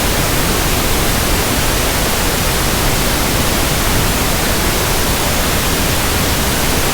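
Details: Steady pink noise sample for tinnitus sound matching: soft, balanced static hiss for comparing with ringing ears, tinnitus simulation.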